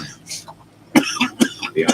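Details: An adult reading aloud gives a few short, sharp coughs with a throat-clearing quality after a quiet pause.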